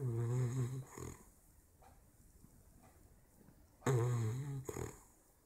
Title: Maggie the bulldog snoring. 16 weeks.